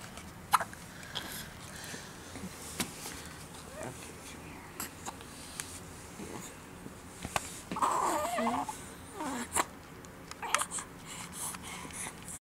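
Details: Child with hiccups: brief sharp catches recur every second or two, about seven in all, over household background noise.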